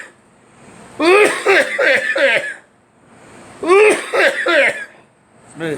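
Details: Two bursts of harsh, voiced, throaty coughing, several coughs in each, separated by quiet pauses; an adult coughing while talking about smoking flavored cigarettes and cigars.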